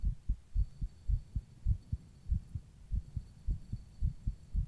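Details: Own heartbeat recorded while rebreathing into a plastic bag: steady paired thumps at about 110 beats a minute, somewhat fast.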